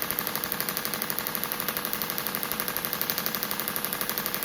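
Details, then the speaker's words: Radial shockwave on a perimenopausal woman's own shoulder soft tissue (old dislocation, humeral head injury), moved around, about 2,000 shots at about one bar, 12 Hz; slightly uncomfortable: rapid regular sharp popping pulses. "So, I'm just going to move that over that soft tissue rather than keeping it in one place. So, we're doing it about 2,000 shots."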